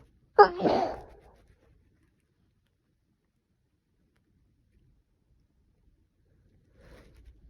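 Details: Person with a cold, blamed on temperature swings, sneezing: a single sharp sneeze with a quick inhaled lead-in and explosive release, then quiet room.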